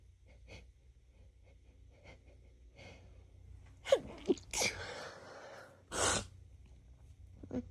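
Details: Female, newly sensitive to a roommate's cat: soft sniffles and quick catching breaths, then a sharp explosive sneeze and a second rushing sneeze; allergic sneezing.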